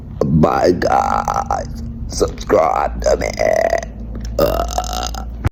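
Long, deep, rolling belches, several in succession with a steady low rumble behind; deliberate burping on command.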